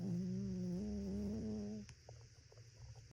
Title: sweetest little snoring puppy 🐶 #lovedogs #littledoll #dollhouse #sleepy #cozy #blanket #cute #puppy